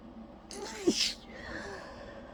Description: you can literally hear how tired i am in my sneeze, lol